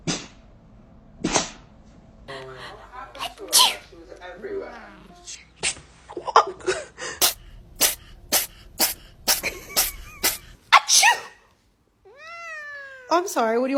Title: Cat sneezing on owner🤣🤣🤣😁😁😁 catcatscutecatcatlovercatsoftiktokfy #Shorts #fun